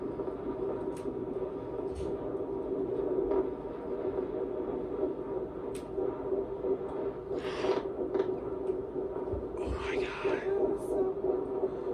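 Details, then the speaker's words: Early IVF pregnancy at the first OBGYN appointment: a fast, steady, whooshing fetal heartbeat, which the clinician calls good and strong; normal fetal heartbeat. "That is beautiful. Good strong heartbeat."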